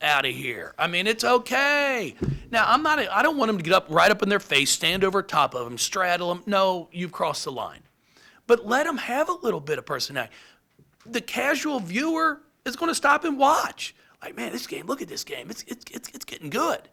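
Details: Adult man with lifelong stuttering, speech therapy from first to eighth grade, now much improved; anticipates stutters and substitutes words; stuttering.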